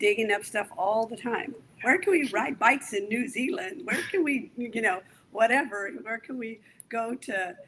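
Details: Aphasia in an adult male stroke survivor after a severe stroke, following over a decade of rehabilitation.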